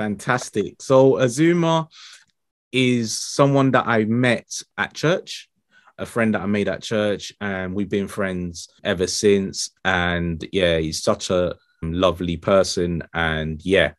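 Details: Adult male speaker; typical speech.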